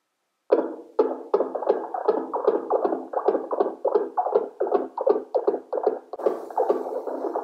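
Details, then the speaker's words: Simulated fetal heart rate sound on a portable CTG/NST monitor, made by tapping the FHR probe for a dummy test demonstration: rapid, rhythmic whooshing thumps around 150 a minute. "i am using an alternate probe over here to demonstrate a dummy test to you so i am starting the test using the start button now i take the fhr pro and i try to create a heartbeat sound"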